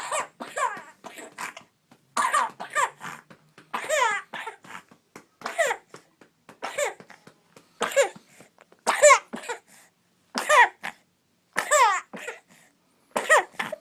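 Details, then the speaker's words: Child with snotty mucus being coughed up: repeated short, high-pitched bouts of coughing; productive cough bringing up mucus. "Just, that's all this snot crud. See? Come on, baby. Get it out."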